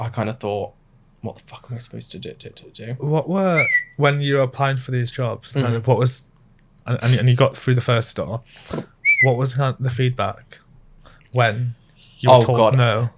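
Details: Adult male speaker; speech.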